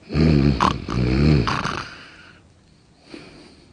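Two loud, low, rattling snore bursts, then a fading breathy exhale and quiet; an exaggerated acted snore from a comedy sketch.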